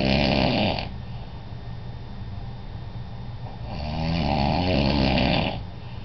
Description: This is my dad snoring, it was shot in Washington D.C.